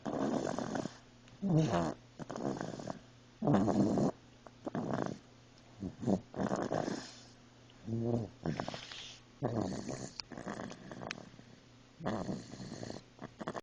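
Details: A sleeping pet snores with rhythmic rattling sounds, about ten breaths in the span, with quiet pauses between breaths.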